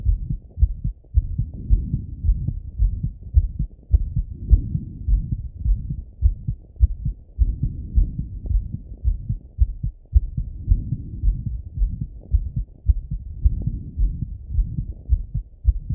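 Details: Male, self-auscultation with stethoscope after a workout set: fast, strong thumping heartbeat about 107 per minute with body noise; normal heart sounds at raised rate after exercise.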